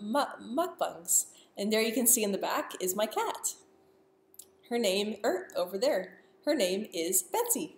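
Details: Person who stutters, speaking live, with stuttering.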